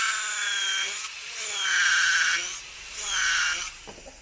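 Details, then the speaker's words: Dental implant drill running on a model during a fully guided crestal sinus lift demonstration: a 5 mm drill driven by foot pedal into bone, leaving a 1 mm gap; a high, steady motor whine in two runs. "we can grab now the next drill which is five millimeters place it in without it running you see that there's still a one millimeter gap here so we step on the pedal"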